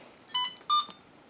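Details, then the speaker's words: Alaris infusion pump programmed for a Pitocin (oxytocin) infusion, 30 units in 500 mL normal saline, for labor induction: two short electronic beeps during dose selection, an alert that can be silenced. "so when I select the dose it is going to go ahead and calculate for me the milliliters per hour that beeping that you hear and any alarms that you want to dismiss"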